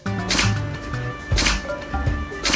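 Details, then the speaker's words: Three short, sharp sneeze bursts over background music from two excited dogs jumping around on meeting a friend, sometimes sneezing simultaneously; an expert judges this normal excitement sneezing. "전문가 의견에 따르면 종합적인 행동을 판단했을 때이 강아지들은 신이 나서 재채기를 하는게 맞다고 합니다"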